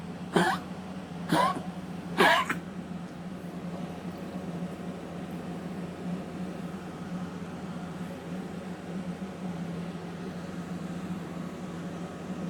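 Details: Three short, harsh coughs in quick succession from a dog with congestive heart failure, recorded 8/19/2022, then quiet hum; cough in congestive heart failure.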